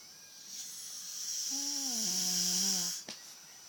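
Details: Elderly woman (grandma) snoring: a single breath of loud airflow rising into a drawn-out droning, voiced snore, ending with a soft click.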